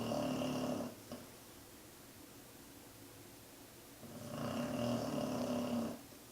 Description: Rosa just wants you to RELAX. She is snoring loud enough to make my desk and the floor vibrate.